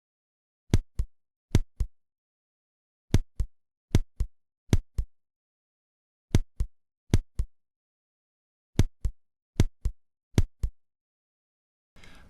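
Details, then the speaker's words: Simulated auscultation of second-degree block with dropped beats: paired heart sounds with regular beats interrupted by pauses of about 1.5–2 seconds where one or more QRS complexes drop out. "представленный фрагмент невозможно будет отличить от реальной блокады второй степени когда тоже происходит выпадение одного или нескольких комплексов крст послушаем этот же фрагмент ещё"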